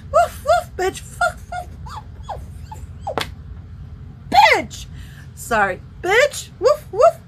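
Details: Adult woman with Tourette syndrome on medication, whose tics worsen with light; involuntary, constant barking tic of "woof" followed by an expletive, with her head contorting backwards; barking and coprolalic vocal tics.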